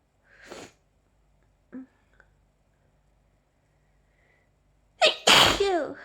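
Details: Allergy sneezing fit, person also reports an itchy mouth: a soft sneeze, a small catch, then a loud forceful sneeze with a voiced cry.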